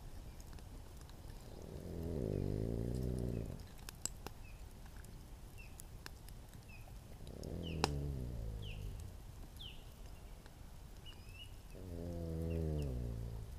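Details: A man snoring outdoors: three low, rumbling, fluttering breaths about five seconds apart, roughly 12 a minute, with birdsong in the background: snoring.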